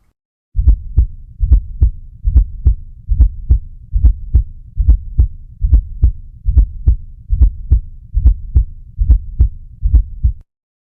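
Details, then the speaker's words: Fourth heart sound (S4 gallop) from a stiff, non-compliant ventricle with atria forcing blood in: regular low heart sounds about 71 beats a minute, with a soft extra sound just before S1. "The ventricle is really stiff the Atria is trying to force blood in and this is causing a turbulent flow and what it sounds like is the lub dub so let's have a listen and see if you can distinguish that fourth heart sound just before the first one"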